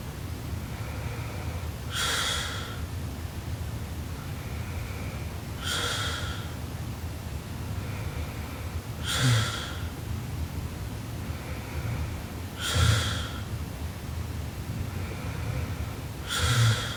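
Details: Sleeping Japanese girl, described as snoring super loudly: regular snorting breath sounds about every three and a half seconds, about 17 a minute, over steady low room noise; snoring.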